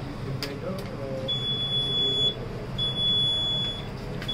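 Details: Oxymed Eco 5-litre oxygen concentrator powering on during a demo: two long, high-pitched beeps over steady machine noise.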